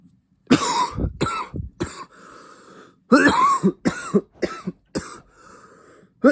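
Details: Repeated harsh, forceful cough bursts in clusters with brief gasps after taking cannabis vape "blinker" hits; irritant cough after vapor inhalation.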